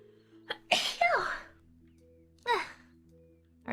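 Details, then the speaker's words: Woman's real sneezes: two high-pitched sneezes, the first preceded by a brief catch of breath, over soft background music. "it's coincidence that a whole lot of girls have cute sneezes maybe we just make them cute because we know people are watching"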